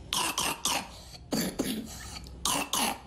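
Three groups of harsh, wet coughs from a child, two or three bursts each, with a loose rattling quality: a productive cough of advanced bronchitis.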